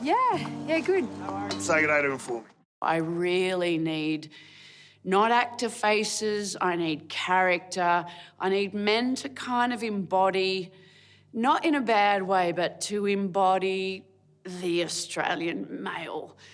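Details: Adult speaker; ordinary speech.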